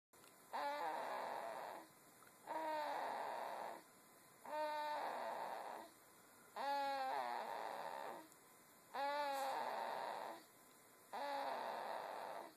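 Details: Sleeping baby girl snoring: regular breaths about 29 a minute, each with a squeaky, fluttering throaty snore.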